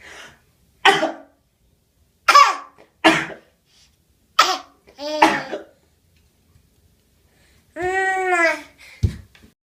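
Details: Infant gives about four short, deliberate, straining coughs between babbling sounds; a voluntary fake cough.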